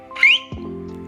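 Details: Vocal tic in an adult woman with Tourette syndrome; tic strains her throat, grows louder over time, and is worsened by indigestion and acid reflux.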